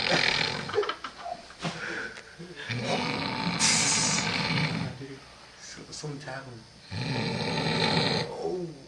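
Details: Loud, irregular, rattling snores with noisy breathing between, from a man asleep during a lock-in; heavy snoring.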